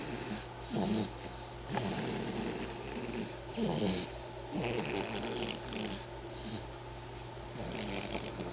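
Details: Snoring during sleep: irregular rattling snores, roughly 20 a minute, over a steady low room hum.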